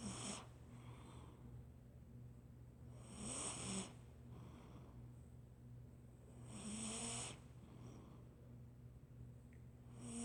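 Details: Domestic cat snoring while asleep, about one minute, soft rhythmic breaths about 19 a minute, each inhalation carrying a raspy snore over a steady low background hum.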